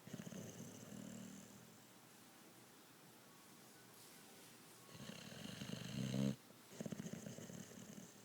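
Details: Loud snoring from a sleeping person: rough, rattling snores on breaths in, separated by quiet pauses; ordinary snoring.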